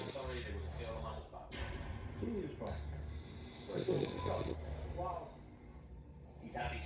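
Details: Irregular snorting snores from a sleeping English Bulldog puppy, partly masked by nearby talk and background noise: snoring.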